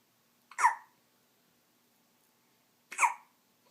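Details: Six-day-old newborn boy with hiccups: two sharp, brief hiccup sounds about two and a half seconds apart in a quiet room.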